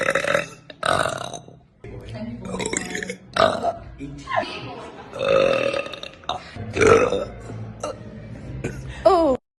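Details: An adult woman gives repeated loud, drawn-out voiced belches, some long and croaking, with brief pauses between them; burping.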